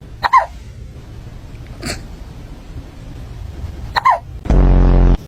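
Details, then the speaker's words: Cat giving three small, sharp, irregularly spaced chirping hiccups, followed by a brief meow; hiccups. "Do you have the hiccups? Oh, baby. Oh, Willow. Have you got hiccups?"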